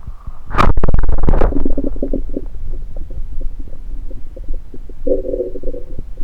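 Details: Bowel sounds recorded by a person holding a stethoscope to multiple areas of their own belly; gurgling and bubbling rumbles with a brief squeaky tone; active bowel sounds.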